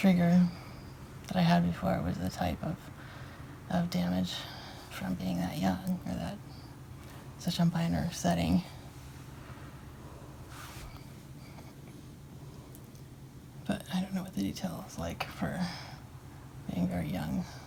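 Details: Woman with recurrent grand mal tonic-clonic seizures, in the postictal phase after a seizure that came a month and a half after her previous one and in which she bit her tongue; semi-dream-like nonsensical talking; postictal confused speech.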